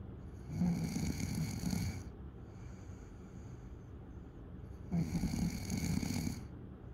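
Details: Night snoring: two loud, rough snores on in-breaths from a sleeping adult, about four seconds apart, over steady low background noise.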